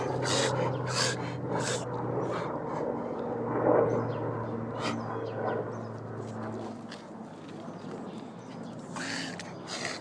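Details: A dog makes rapid, repeated snorting inhalations, a reverse sneeze, with some outdoor background noise; recorded on a mobile phone.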